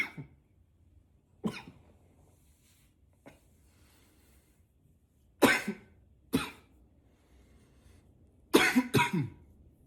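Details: Acted, voluntary coughing, sometimes deliberately in a deeper voice: about seven coughs at irregular intervals in a quiet room, some short, some deeper and doubled.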